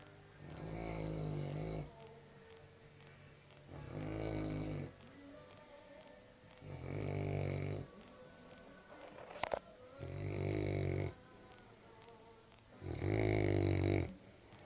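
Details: Senior Cane Corso asleep in the morning: deep, steady snores about 20 a minute with quiet pauses between them; snoring.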